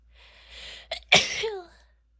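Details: A female from a compilation of sneezes, stifles and nose blows: a soft build-up of breath, a brief catch, then a sharp explosive burst trailing into a short voiced tail; a single sneeze.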